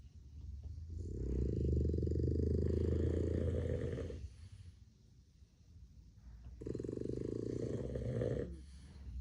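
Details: Boston Terrier dogs sleeping on a rainy day: two long, low, rattling snores separated by a quiet pause.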